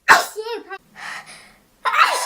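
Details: Sneezing: a sharp burst of air, then a short squeaky voiced sound, then a second burst.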